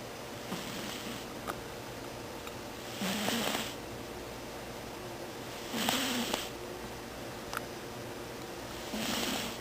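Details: Gentle, regular snoring from Tbone, a small sleeping pet, about three brief soft rumbling snores in ten seconds.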